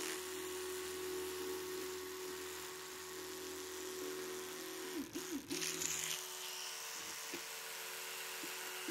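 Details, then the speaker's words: Electric toothbrush demonstrated in an ASMR dental check-up roleplay: steady hum with a brief pitch change as the head presses on a surface, quiet room; buzzes every 30 seconds per mouth quarter. "And also it will buzz every 30 seconds to let you know that you're finished with the back quarter of the mouth."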